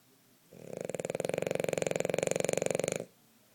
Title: Hazel napping and snoring